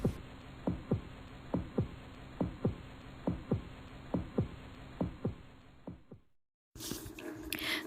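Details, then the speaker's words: Regular paired low heart thumps at about 69 beats a minute, heard through a stethoscope, then brief silence and room noise; heartbeat through a stethoscope. "ketika dokter menyentuhkan corong pada dada seseorang bunyi detak jantung dan nafas akan merambat ke dalam selang dan setelah melalui proses pemantulan seperti pada tabung bicara dokter dapat mendengar dengan jelas detak jantung dan nafas sang pasien"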